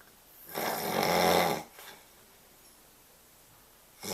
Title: Pregnant man snoring